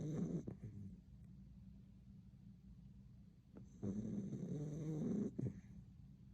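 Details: Puppy snoring while asleep.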